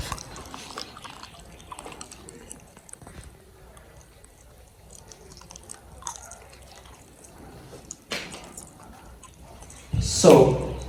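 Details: Normal bowel sounds heard by stethoscope on an adult patient during a head-to-toe physical assessment demonstration for a health assessment lab exam.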